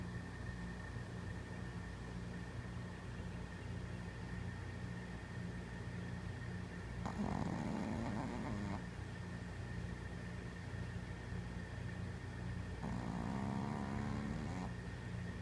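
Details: Dog snoring while sleeping at night, two long rattling snores over a steady background hum; snoring.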